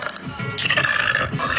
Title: Girl burps long huge monster burps burping eructos burp deep long